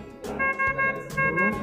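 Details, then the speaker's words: BYZ 810 syringe pump (Hunan Beyond brand) switched on by pressing the power button at the back once the green power light shows: repeated steady electronic tones of its normal power-on alarm. "हम प्रकाश होने पर power button को पीछे की तरफ दबाते हैं चालू हो गया है और अलार्म इस तरह"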